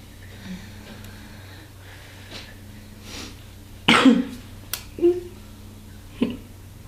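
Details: A harsh cough burst after smoking from a pipe or bong, followed by a few short coughs that turn into laughter, over quiet room noise.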